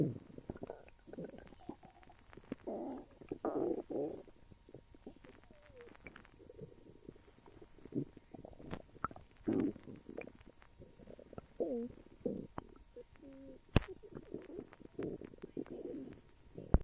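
Gurgling, squeaking and bubbling stomach rumbles in irregular bursts, ordinary bowel sounds of gas and fluid moving.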